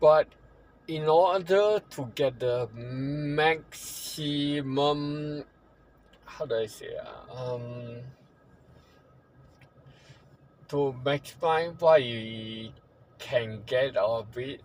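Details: Ataxic dysarthria in a man living with ataxia, a condition he says worsens over time and across generations, with a poor prognosis.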